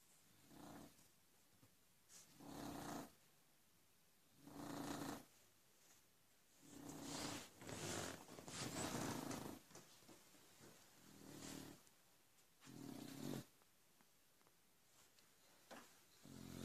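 Rough, rattling snores with each breath, about 14 a minute, slightly uneven in spacing and loudness. Snoring from a sleeping dog.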